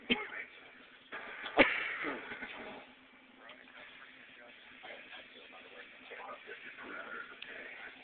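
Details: An adult coughs while drinking diet Vernors with a Life Saver: two abrupt cough-like bursts, then quieter muffled sounds and faint background talk.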